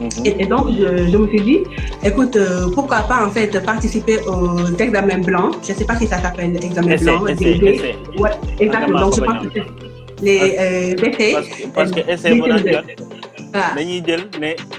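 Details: Adult woman from Senegal now living in France who has a stutter; stuttering.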